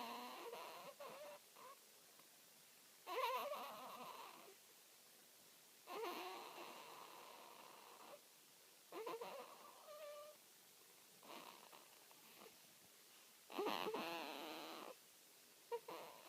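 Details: Newborn girl aged 3 weeks 2 days making noisy sounds in her sleep: intermittent soft squeaks, whimpers and grunts in short bursts with quiet gaps.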